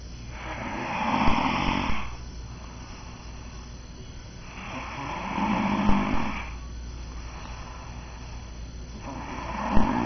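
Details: Adult man snoring: steady, deep, rumbling snores about every four seconds, roughly 15 breaths a minute, over a constant low hum; regular snoring.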